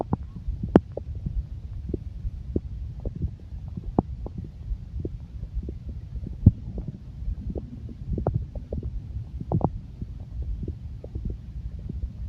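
Low rumbling with scattered gurgles and pops over twelve seconds: stomach growling, ordinary bowel gas and fluid movement.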